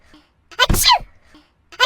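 A loud, sharp sneeze with a brief intake before it, from a sound-effect recording.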